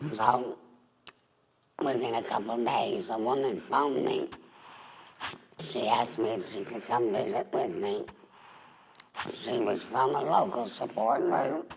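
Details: Adult woman, former smoker, with alaryngeal speech after total laryngectomy (larynx and voice box removed) for laryngeal cancer, breathing through a neck stoma.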